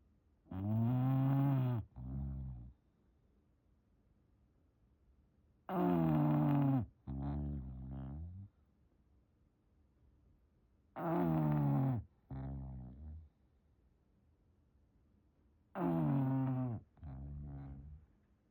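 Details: English bulldog snoring in a blanket: loud, rough, rumbling snores, each breath in followed by a shorter snorting breath out, about 12 breaths a minute.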